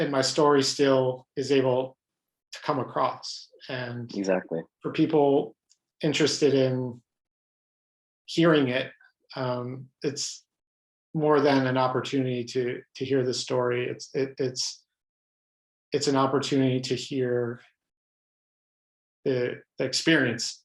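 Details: Adult man who stutters, pattern mostly blocks, who reports hundreds of different ways he stutters, speaking spontaneously in a real interview; stuttering.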